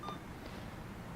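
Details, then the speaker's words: A single short electronic keypad beep from an Alaris CareFusion infusion pump over low room hum, while programming a nicardipine dose of 5 mg/hour for interfacility transport of an acute stroke patient. "here's where we'll choose our dose for Multnomah County operations it will start at a low dose of 5 milligrams per hour and it will max out at 15 milligrams per hour so for this purpose we'll pick dose"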